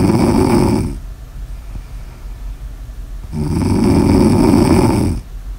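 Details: Snoring in an ASMR sleep recording: two long, loud, rumbling snores on inhaling, about three seconds apart, with quieter breathing out between; steady snoring.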